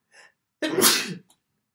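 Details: Self-induced sneezing: a short in-breath, then one loud explosive sneeze lasting about half a second; single ordinary sneeze.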